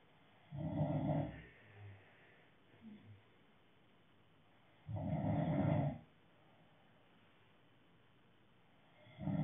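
Regular deep, fluttering snores roughly every four to five seconds, with soft breathing sounds between: snoring during sleep.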